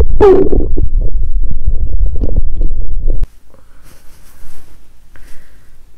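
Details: Active bowel sounds (borborygmi) from an adult woman's abdomen on day two of her period with abdominal pain: loud continuous low gurgling and rumbling for about three seconds, fading to faint trickles.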